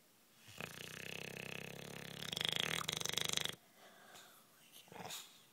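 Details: One long, fluttering, raspy snore lasting about three seconds, then quiet breathing; snoring.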